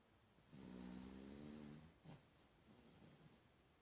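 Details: One drawn-out, buzzing snore on an in-breath, then quiet breathing, from a sleeping pet dog; dog snoring during sleep.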